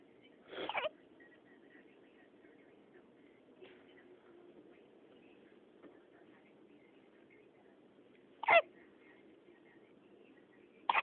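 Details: Hiccups in a person: sharp, brief catch sounds recur every few seconds in a quiet room, three clear ones in eleven seconds.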